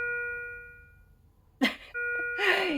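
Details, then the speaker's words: Philips IntelliVue MX400 patient monitor sounding a high priority desaturation alarm after the demonstrator held their breath: loud ringing tones that fade and return, with a brief noise burst; the alarm latches and persists after the issue resolves. "Those are high priority alarms, and as you can see, it's latching, so it's still there, present even once the issue itself is resolved."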